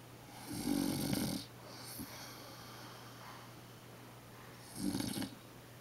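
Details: A grandmother who insists she doesn't snore naps beside her 3½-month-old grandson and snores: two rough, fluttering snores about 4 seconds apart with quiet breathing between. Ordinary snoring during sleep.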